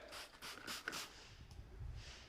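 A few short, wet, hissing bursts from a cat, fitting small sneezes, over low room noise.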